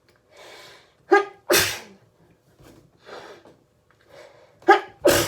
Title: Crazy hayfever sneezes that kept coming!